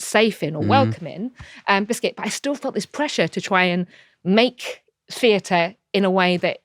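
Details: Adult woman with Tourette syndrome, diagnosed in her early to mid 20s and a wheelchair user, with frequent involuntary vocal tics and coprolalia. The finding is a vocal tic of Tourette syndrome.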